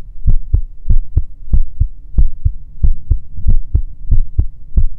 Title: [F4A] Immortalized Ahri Heartbeats [Heartbeat ASMR]